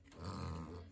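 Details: Dog making a single deep, rough snorting intake of breath during a reverse sneezing episode: reverse sneezing.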